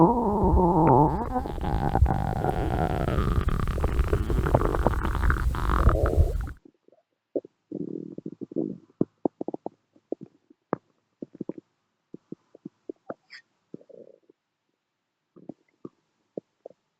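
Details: Stomach growling (borborygmi): a long loud gurgling rumble, then scattered short gurgles and clicks, with background music playing over it.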